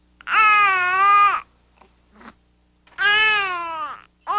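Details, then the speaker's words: Infant aged 0 to 3 months gives drawn-out, open-mouthed, lower-pitched "owh" cries with short pauses; tired, sleepy cry. "é uma diferença grande neto o choro um pouco tem um tom mais grave é do que um showzinho o homem e às vezes a gente nem se toca que eu esse choro é de sono"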